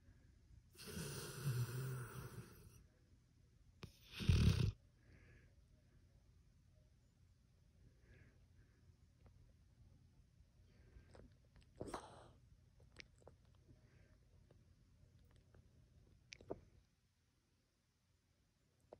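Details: Sleeping pitbull snoring: two loud, rough snores early on, then quiet breathing with small snuffles and a few faint snorts.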